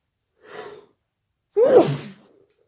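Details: Sudden late-night sneeze the person tried to muffle: a soft intake of breath followed by one loud, explosive sneeze.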